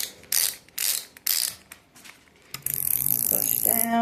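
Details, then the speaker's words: Insulin pump reservoir being filled from a 300-unit insulin vial, several fills, before infusion set insertion: repeated short ratcheting clicks, then a continuous mechanical whir. "this vial holds 300 units and this only goes up to 60 so we're going to fill it a few times and I just push down"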